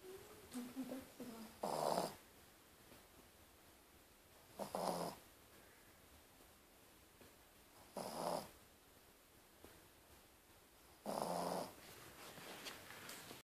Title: Our dog Draper snoring